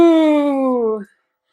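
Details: Tracheostomy patient doing a voicing exercise with a tracheostomy tube, making animal sounds such as mooing while expressing different emotions to retrain the speech muscles.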